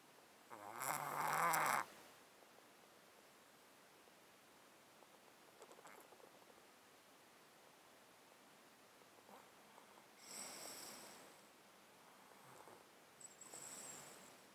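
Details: Stertor in a cat sleeping in a box, close-up mic, with an underlying disease of 13 years causing constant snottiness and sneezing: quiet, snuffly, wet congested nasal breaths with bursts of snorting.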